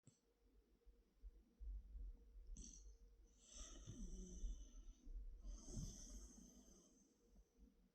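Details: Boy snoring, recorded right at the listener's ear: quiet, close breathing with two long hissing, snuffling breaths and soft rumbling between; light snoring.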